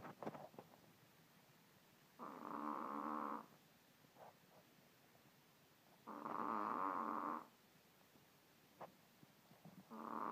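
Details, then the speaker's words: A mini Pomeranian snoring loudly: regular buzzing snores about every four seconds, roughly 15 a minute, with faint clicks between them; the owner sleeps beside him and is so tired. "yes I sleep with that no no question as to why I'm so tired a"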